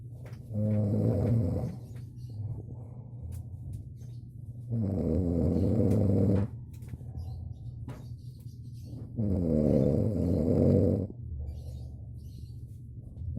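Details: A man who always complains he can't sleep, snoring while asleep: three low, rumbling snores about every four seconds, with quieter breathing between them; regular snoring.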